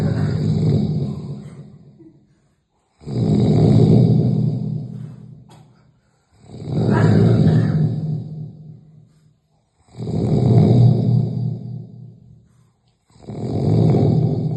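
Loud, deep, rumbling snores, about one every three seconds, with brief silent gaps between them: heavy snoring.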